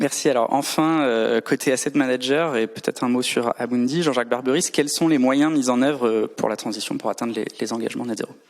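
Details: Adult male speaker; Normal speech.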